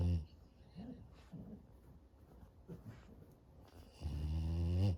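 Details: French Bulldog puppy on an afternoon nap: a loud rumbling snore at the start and end, with softer snuffling breaths between; very loud snoring during sleep.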